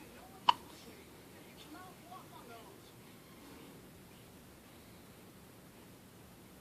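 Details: One-week-old baby with hiccups: one small, sharp hiccup early on, followed by soft baby murmurs in a quiet room; hiccup.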